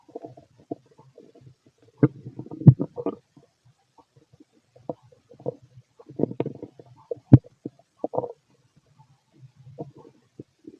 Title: Fit male stomach growling and digesting